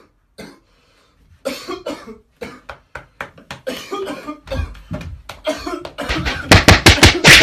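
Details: Acted coughing fit: a rapid run of about 20 harsh coughs, building to loud, closely spaced bursts at the end, mixed with knocking sounds.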